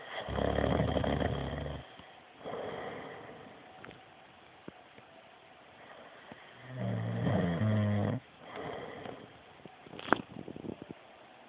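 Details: A sleeping person gives deep, loud, fluttering snores on each breath, alternating with softer rasping exhales, at roughly eight breaths a minute; typical adult snoring.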